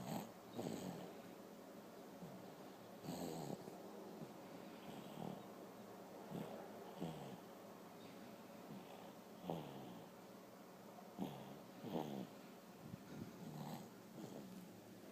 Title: Snore out loud